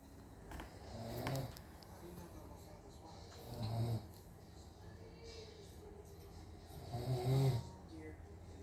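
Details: Father snoring while asleep, recorded by family because he doubts that he snores: low rattling snores on each breath in, about three in nine seconds, over faint room noise; ordinary sleep snoring.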